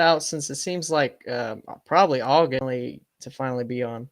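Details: Adult male speaker; normal voice.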